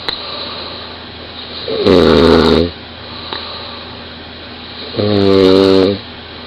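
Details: A 20-year-old woman snoring very loudly in bed, recorded by her boyfriend lying next to her: two loud, buzzing, tonal inspiratory snores about three seconds apart over steady room hiss.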